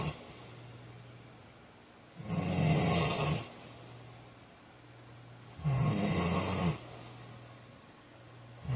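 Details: Regular loud snores with a snorting edge, about 18 breaths a minute, with a low hum in between; snoring during sleep.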